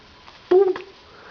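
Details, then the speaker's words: Female with hiccups, asked about them: one abrupt, short voiced catch of breath in a quiet room, a single hiccup. "Hey, do you have hiccups? You have hiccups? A little bit."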